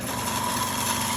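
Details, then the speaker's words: Double-bottle trolley suction machine tested by sucking water through a connected cannula: a steady motor hum with rushing, whistling airflow as it draws vacuum. "now the device is working properly we are going to connect this cannula and we are trying we have taken some water to test whether the machine is working properly or not"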